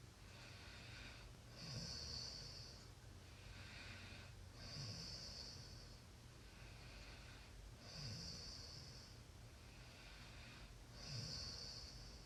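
Soft, quiet snoring with steady background hiss, about 20 breaths a minute, each breath ending in a faint snort.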